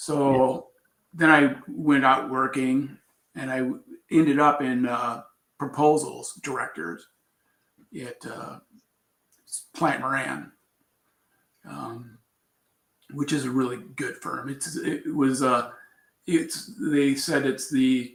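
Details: Adult man with aphasia after a traumatic brain injury from a bicycle accident about four years earlier, followed by coma; word difficulty noticed on waking, still recovering.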